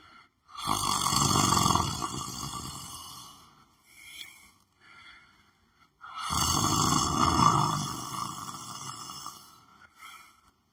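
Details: Two long, loud, rough snores about five seconds apart, each followed by a quieter breath, from someone sleeping on the floor: steady heavy snoring.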